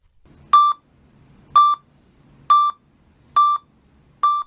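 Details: Pulse oximeter tone, lower pitch.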